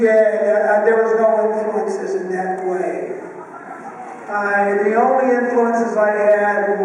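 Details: Adult male with one vocal cord bowed and one paralyzed after a childhood clothesline injury to the neck, present ever since; breathy, rough, raspy voice with excess air escape; vocal cord paralysis.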